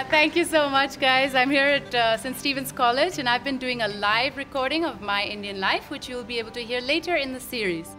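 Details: Adult speaker; typical speech.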